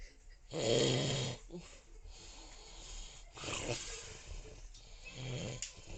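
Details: Snoring: one loud, harsh, rattling snore on a breath in, followed by softer rough snores a few seconds apart in a quiet room.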